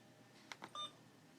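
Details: Alaris syringe pump module with PC unit being programmed in a demonstration, selecting syringe type and size: three short electronic beeps in quick succession, the last one longer; keypress tones.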